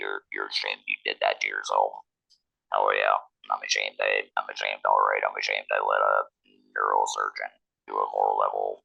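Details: 47-year-old man, a laryngectomee since a 2019 laryngectomy, speaking with an electrolarynx, which took about a year to get familiar with; electrolarynx speech.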